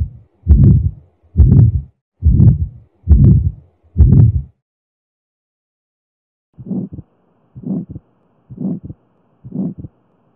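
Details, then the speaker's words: Heart murmur played in a nursing heart-sound tutorial after explaining the 1–6 murmur grading scale. "louder murmurs generally but not always indicates greater pathology let's now listen to a murmur"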